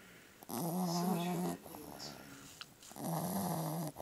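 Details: Pug–Boston Terrier mix dog asleep, with two loud, rattly, buzzing inspiratory snores about 2.5 seconds apart and quieter breathing between them: loud snoring.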